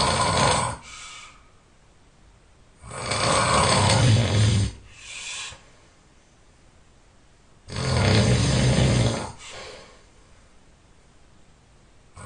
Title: Extremely Loud Snoring